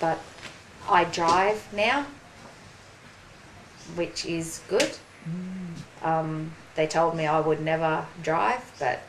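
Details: Aphasia in a 43-year-old woman after a ruptured brain aneurysm and stroke 4.5 years earlier; slower speech and word-finding difficulty; aphasia.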